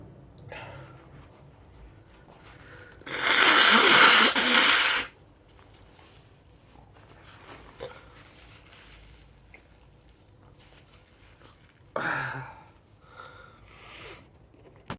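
A loud, explosive sneeze with a hissing burst, followed later by a shorter snorting, wet nasal sound; an ordinary sneeze.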